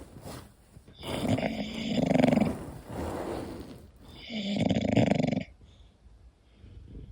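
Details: English bulldog snoring while asleep: loud, rough, long rattling breaths with quieter gaps, the noisy sleep breathing of a flat-faced breed.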